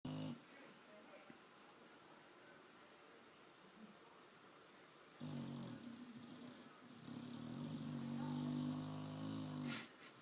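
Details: A dog snoring: after a quiet stretch, a long, low, rattling snore on a slow breath, followed by a second buzzing stretch.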